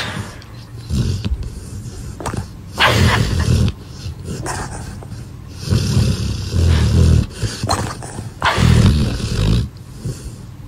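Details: A sleeping dog snores with low rumbling sounds in a steady rhythm, roughly every three seconds.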